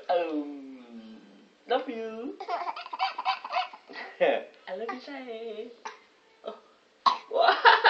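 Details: High-pitched squeals and laughter from a 6-month-old baby, ending in a couple of short, harsh cough-like bursts: infant cough.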